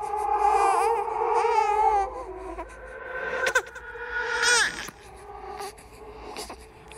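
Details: Created horror sound-effect track of a ghost baby, not a real infant: wavering, high-pitched wails and whimpers like an infant crying, with breaks between bursts; infant cry.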